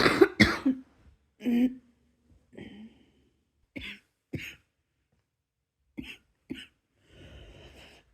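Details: Series of about eight short coughs at bedtime while falling asleep, the first harder, then softer paired coughs, ending with a breathy exhalation.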